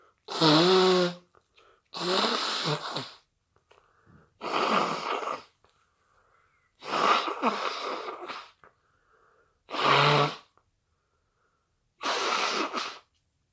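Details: Six separate sneezes in about 13 seconds, some preceded by a rising voiced in-breath, in a quiet room: repeated induced sneezing from hay fever.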